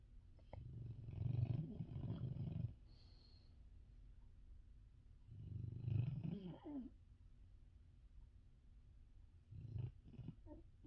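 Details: Female dog snoring loudly while asleep right next to the listener's ears: slow, deep, fluttering snores, three rumbling breaths with quiet pauses between them; snoring.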